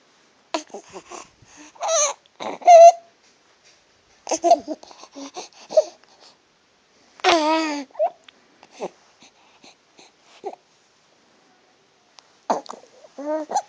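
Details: Infant with stridor: vocal sounds with intermittent high-pitched, harsh noisy breathing from a narrowed upper airway, with background noise.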